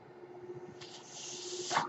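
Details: Podcast host's own mechanical ventilator heard in the background while he speaks, a mechanical ventilator sound.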